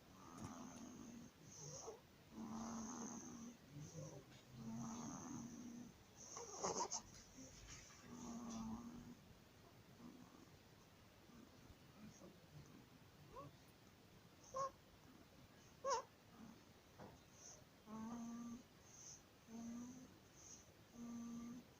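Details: Inspiratory stridor in a 15-day-old baby with laryngomalacia: a harsh, crowing, snore-like noise on each inspiration.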